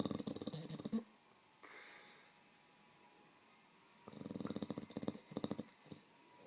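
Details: A Staffordshire bull terrier asleep on a bed gives rough, fluttering bursts of snoring with quiet pauses between, and twitches during sleep; ordinary snoring in a sleeping dog.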